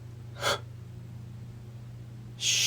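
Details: Sharp, breathy inward gasp, then the start of another quick inhalation in a quiet room: the catching breath of an attempted sneeze that won't come, in a person suspecting seasonal allergies.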